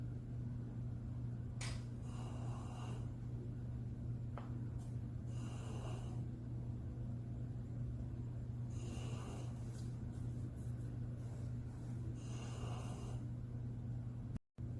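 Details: Sleeping Husky puppy snoring loudly: slow, regular rasping breaths, about four in fifteen seconds, over steady low hum.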